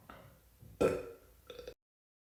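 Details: A woman gives a soft opening belch, then one loud, drawn-out burp and a shorter rumbling one: ordinary belching.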